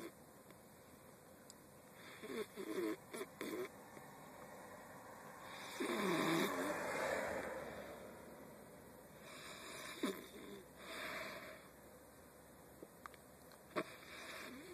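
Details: Person asleep: rough, rattling breathing sounds repeating every few seconds against steady background hum; snoring.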